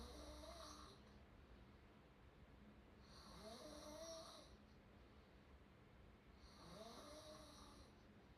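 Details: Three loud, rough open-mouth snoring bursts at a slow, steady rhythm of about 18 breaths a minute, with quieter breathing between them; snoring.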